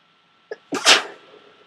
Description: Trying to stifle my sneezing, thick snot. Cold is still streaming.